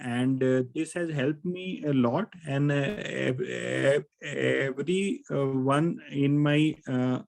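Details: Adult male participant in a stammering group who says he stammers, with an extended repetition of "I" at the start; stuttering.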